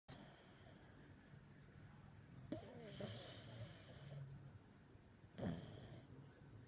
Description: Pug snoring and dreaming